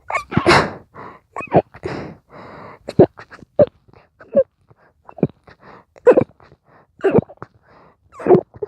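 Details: An intense stifled sneezing fit: a rapid series of short, suppressed sneezes with sharp breaths between, coming so fast the sneezer could barely breathe in between. Sneezing.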